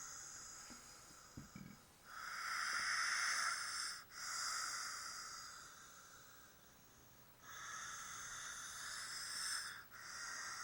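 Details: Snoring: hissing, breathy snores with a whistling quality, repeating every few seconds during sleep.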